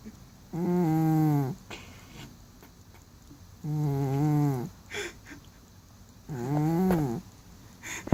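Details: Cat snoring loudly in sleep, owner suspects a good dream: three loud, drawn-out voiced snores about a second each, roughly 20 a minute, quiet breathing between; cat then woken.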